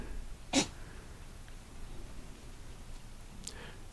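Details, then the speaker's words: A wild boar recorded by a hunting trail camera outdoors gives a single sharp, explosive snort-like sneeze, then a faint second burst over outdoor quiet. "l'avez entendu éternuer le voici le sanglier qui s'offre tranquillement"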